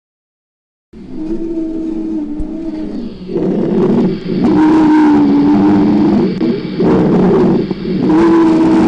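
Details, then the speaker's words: Wheezes (sibilant rhonchi), dry rales from narrowed bronchi, teaching example; asthma bronchiale is named as the diagnostic hallmark. "el sueño diagnóstico de este signo lo constituye por excelencia el asma bronquial donde se combinan todos los elementos fisiopatológicos"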